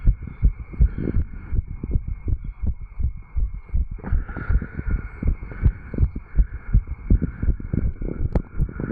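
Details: 35-year-old man's heart recorded by stethoscope at the tricuspid valve area after jogging: fast, regular heartbeat thumps, heart sounds after exercise.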